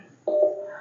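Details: Single short electronic beep from a Uniwer UMS 12T Pro touchscreen multiparameter patient monitor, heard while alarm, pulse and beat volume settings are adjusted via the volume button.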